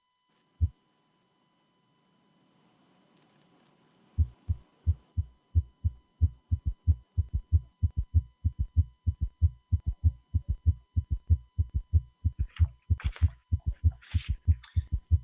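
Rapid low-pitched heartbeats with an extra soft thud after each beat, giving a galloping rhythm; a third heart sound in a tachycardic failing heart.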